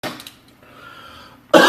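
Two cough bursts from an adult, with a loose, moist quality suggesting mucus in the airways.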